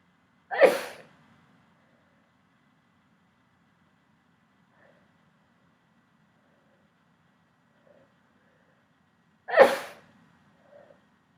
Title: Rapid pepper sneezing and nose blowing